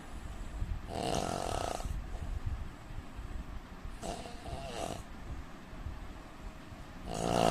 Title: Indian man snoring sound 😀